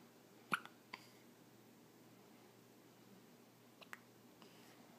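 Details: Soft, brief hiccups with quiet pauses in a silent room from a 4-day-old newborn; hiccups.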